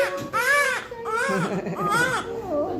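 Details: Newborn crying just after delivery, following oxygen given to the mother during labour: several loud, rhythmic wailing cry bursts with faint room noise, a vigorous newborn cry.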